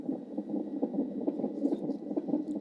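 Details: Fetal heart sounds from a delivery-room CTG (cardiotocography) Doppler recording: fast, regular whooshing pulses, roughly 140 a minute.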